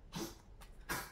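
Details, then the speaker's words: Dog coughing in the background during a crafting tutorial: two or three short, harsh, breathy bursts; dog cough. "entendez du bruit c'est mon chien qui tousse"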